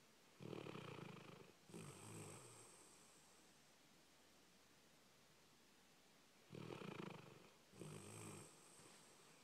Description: Red snoring after a busy day at doggie day care.